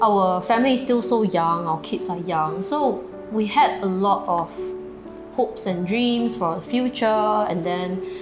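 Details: Adult woman speaking; typical speech.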